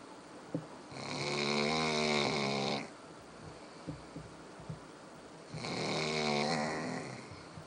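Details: Dog snoring "like a chainsaw": two long, loud, rattling snores of about two seconds each, with quiet breathing and faint clicks between them; heavy snoring.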